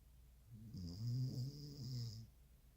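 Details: Snoring while asleep: one low, buzzing, vibrating breath sound lasting about a second and a half.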